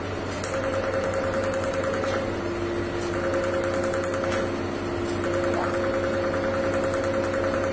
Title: Enlighten PICO Treatment - Tattoo Removal